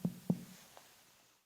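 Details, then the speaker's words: Two hollow, drum-like taps with a brief ringing tone from abdominal percussion over air-filled intestines: a tympanic (tympanitic) percussion note. "in contrast the percussion sound of hollow air filled intestines is more drum-like in nature and is therefore known as tympanic or tympanitic"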